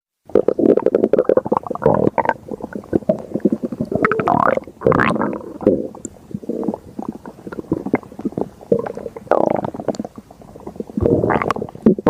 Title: Stomach Growling